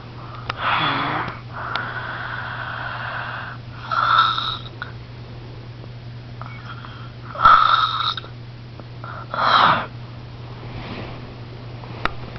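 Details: Rough, fluttering snores on the in-breath, repeating irregularly at about 18 a minute, with a steady room hum behind; snoring.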